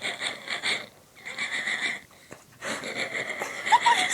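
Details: Honking, wheezy, foghorn-like laughter with whistling breath sounds from a sick woman with bronchitis and phlegm clogging her throat and lungs, triggered when made to laugh.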